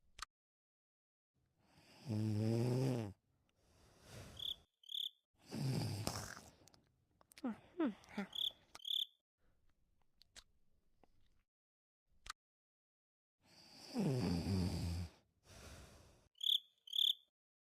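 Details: Snoring on a Thursday night: three low, rattly, voiced snores a few seconds apart in a quiet room, faint insect or bird chirps in the background; snoring.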